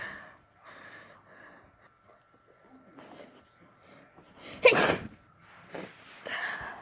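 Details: Person with a bad cold: congested breathing and sniffing, then a loud, wet sneeze, a smaller sneeze and more sniffles; wet cold sneezes.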